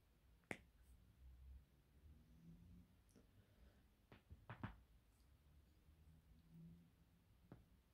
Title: cracking bones